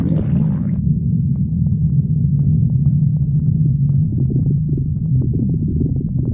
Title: stomach growling 52